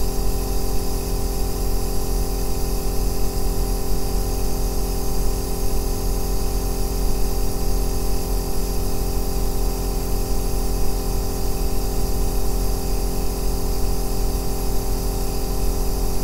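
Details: Continuous low droning hum with soft steady hiss from an aerosol nebulizer compressor running without change, recorded as a 2-hour ASMR white-noise track for sleep and relaxation.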